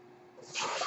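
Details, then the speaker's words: Mechanical ventilator of a speaking adult user: a quiet pause gives way to a rising airy hiss as the ventilator pushes in a breath; ventilator breath cycle. "hello everyone my name is that noise you're hearing is my ventilator and welcome to my not managed on page turners"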